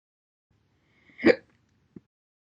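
One abrupt, sharp hiccup with a voiced catch, followed by a faint click about half a second later.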